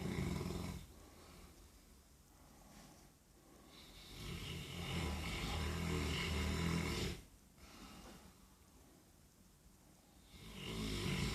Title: A snoRing dog, Bleki